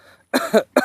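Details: Two quick, harsh cough bursts from an adult man, acted for a comedy skit; simulated cough.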